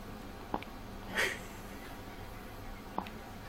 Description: my first grandaughter with the hiccups at 1 day old